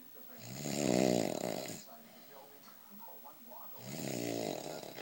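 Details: Boyfriend snoring loudly, reportedly every night: two loud rattling snores on inhalation with a quieter fluttering breath between; loud snoring.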